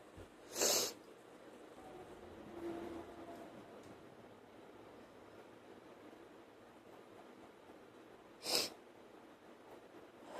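Two short, sharp bursts of air about eight seconds apart, like sneezes or forceful nasal blows, over quiet room noise.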